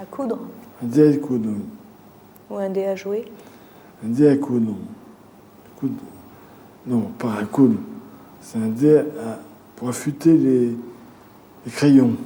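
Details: Male patient with a brain lesion in a picture-naming test; aphasia with word-finding difficulty (the word does not come) and paraphasias, saying one word for another.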